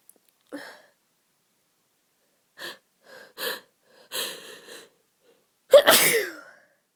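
Short catching breaths lead up to one loud explosive sneeze.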